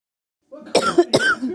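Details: Two harsh, explosive coughs in quick succession, each with a rough voiced tail, described as an awful cough.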